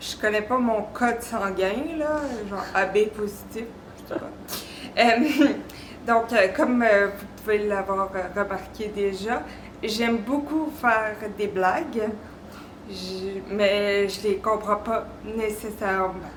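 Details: Aphasia in a 33-year-old woman following strokes at ages 24 and 26 caused by a congenital arteriovenous malformation.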